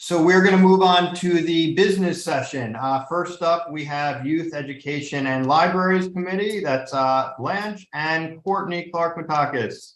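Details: Adult speaker; Normal voice.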